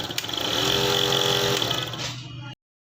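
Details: Loud buzzing motor rattle of an electronic nebulizer compressor running for about two and a half seconds, then switching off, tested during repair after motor inspection and button replacement; machine used for children's breathing difficulty with cough and cold.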